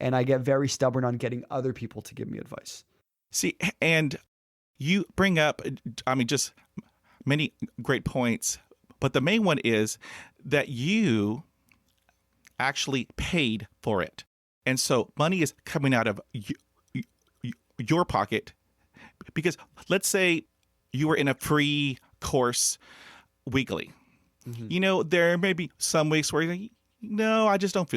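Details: Adult man who has stuttered since childhood, unable to talk as a child, and hid his stutter for 35 years; his mother also stuttered; developmental stuttering.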